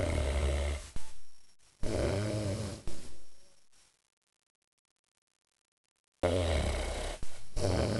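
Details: Large dog napping: deep, rumbling snorts repeat with each breath, broken by a few seconds of silence; ordinary snoring.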